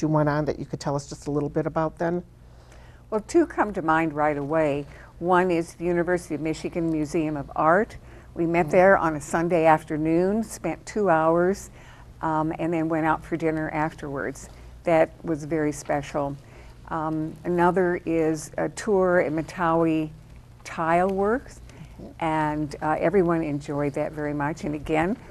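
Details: Adult woman speaking; normal speech.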